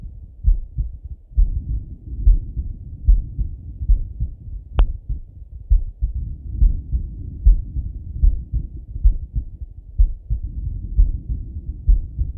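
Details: Male heartbeat by stethoscope while lying on his left side; steady low lub-dub at about 67 beats a minute with one brief click.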